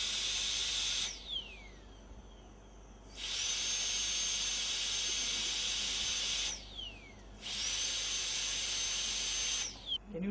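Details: High-pitched whine of a dental drill running in bursts of a few seconds, winding down between runs, during tooth preparation for a porcelain-fused-to-metal (PFM) crown.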